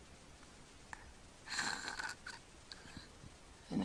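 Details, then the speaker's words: Sleeping infant, mouth-breathing and not congested, who repeatedly holds his breath: a quiet pause in breathing broken by a sudden snorting gulp of air, then a noisy breath; obstructive sleep apnea with snoring. "quiet a few seconds he'll probably hold his breath again you can hear him snoring he's breathing through his mouth and up to his nose and he's not congested now"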